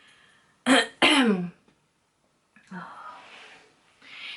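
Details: Two short, rough throat-clearing coughs from an adult with a sore throat and tickly cough, followed by quieter breathy sounds in a small room.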